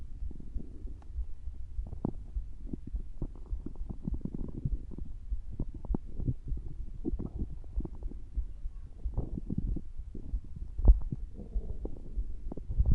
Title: stomach growling 😊❤️